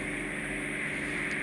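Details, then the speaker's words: Steady loud hissing roar of the suction tube during ear wax microsuction under endoscope view, drawing out wax caked in around a bend in the ear canal, which is stretched open with the tube or endoscope. "you know sometimes you got to put the tube in and literally uh stretch the air open a little bit uh either with the endoscope or the suction tube itself or both cuz it's literally caked in isn't it it's caked"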